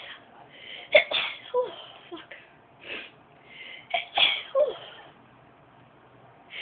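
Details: Young woman deliberately making herself sneeze by tickling inside her nose with a rolled-up object: several sharp, high sneeze bursts with quick in-breaths between them; induced sneezing.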